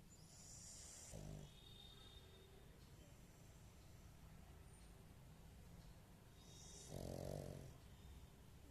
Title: pug talent snoring with eyes open